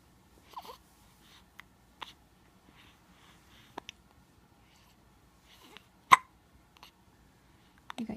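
Brief, sharp, quiet catches at irregular intervals in a quiet room, about seven or eight in eight seconds, fitting hiccups.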